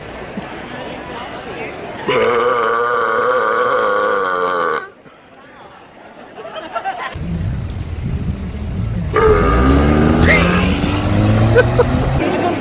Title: TikTok funny CRAZY BURPS